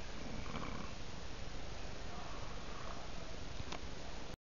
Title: It's snoring time.